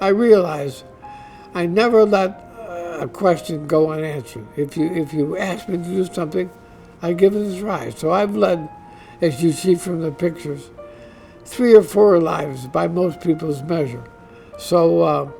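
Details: Dysarthria in an adult man diagnosed with ALS (Lou Gehrig's disease), which he says is affecting his voice.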